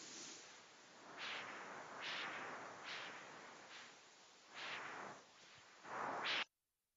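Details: Carotid ultrasound Doppler: harsh, high-pitched, turbulent whooshing pulses about every second, the flow signal of severe internal carotid artery stenosis.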